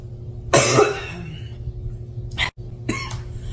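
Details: One strong cough, then two short, softer coughs, over a low steady hum of room or vehicle noise; cough.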